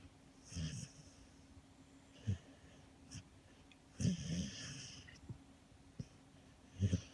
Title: Snoring & Dreaming Jeremy the Kerry Beagle